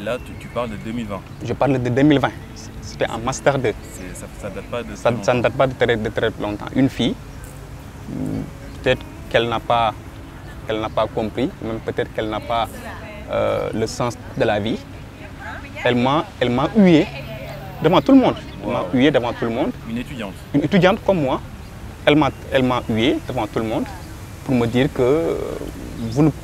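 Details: Young Senegalese man who stutters, speaking French: stuttering.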